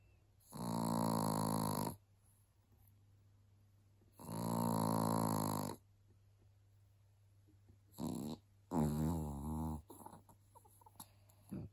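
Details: Loud snoring from Lizzie, a small chihuahua dog.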